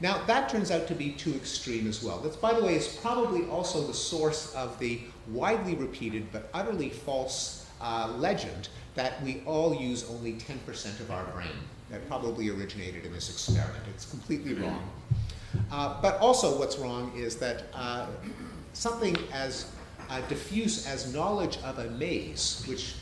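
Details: Adult man speaking; ordinary speech.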